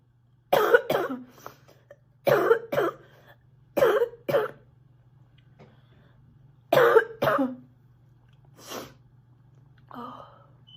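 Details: A sick girl coughing a lot: repeated paired coughs, about eight in all, with a faint background hum; frequent dry cough.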